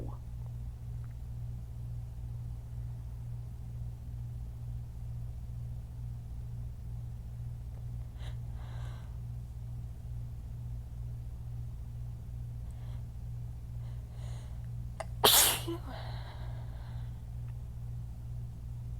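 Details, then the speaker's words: One loud, forceful sneeze after quiet build-up breaths, part of a fit of strong sneezes that burn her throat; pollen count is low, and she assumes the weather change is the cause. "Ow. These are hurting my throat. These hurt my throat like bad."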